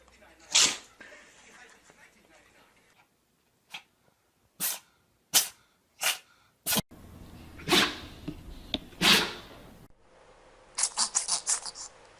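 A run of short, sharp, snorting sneezes from small pets, with a quick rapid burst near the end; brief gaps of quiet between.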